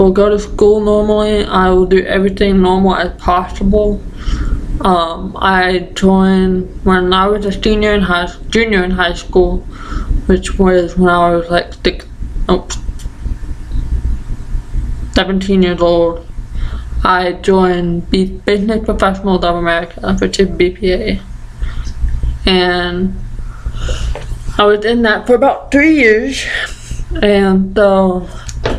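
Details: Dysarthric speech with deaf speech features in a 20-year-old deaf woman with ataxia affecting the basal ganglia and Usher syndrome; medication from about age 3, stopped about 2 years later.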